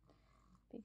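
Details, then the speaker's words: Young child, home sick (ear infection mentioned), asleep: a single brief, low, grunting snort over quiet room noise; snoring. "hey everyone so it is thursday and i'm sure you can hear my little one snoring"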